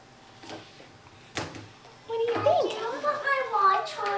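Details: Girl with cri du chat syndrome and primary pulmonary hypertension making voice sounds for the first time since birth, using a Passy-Muir tracheostomy speaking valve; vocalization through a tracheostomy speaking valve.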